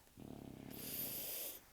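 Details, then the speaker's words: A dog snores, used as the sound for a meditation: a fluttering, rattling breath in, then a rushing breath out through the nose. "this is a meditation to the sound of dog snoring i will be still an instant and go home"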